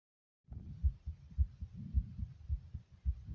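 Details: Fast heartbeat (tachycardia): rapid, regular, low heart thumps at about 107 beats a minute.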